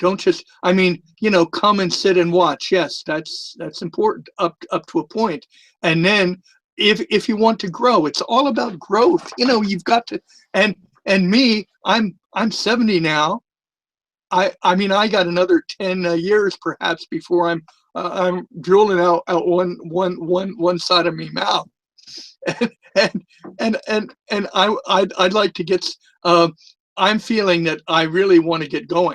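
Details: Stuttering from time to time with a lisp in an adult man; he says the lisp is more noticeable with the microphone close to his mouth.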